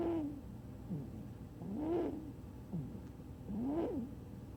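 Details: Sleeping cat snoring loudly at about 33 breaths a minute, each breath with a whistling, hooting nasal tone; snoring.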